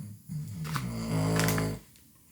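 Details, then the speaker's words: Sleeping Cavalier King Charles spaniel snoring during an indoor makeup recording: a single low, buzzing snore about one and a half seconds long in a quiet room; ordinary dog snoring. "here as I mentioned if you hear the snoring it's the princess over the there"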